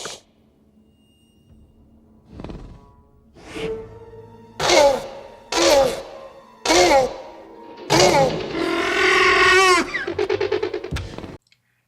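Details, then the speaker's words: Child with croup, real recording shared by a pediatric emergency physician: a barking, seal-like cough from swelling of the upper airway and windpipe. "Ko te tikanga ka pupuhi i te ara o runga, i te paipa hau ranei, ka puta he mare marea."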